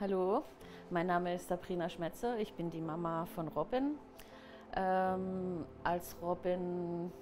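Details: Adult woman speaking; typical speech.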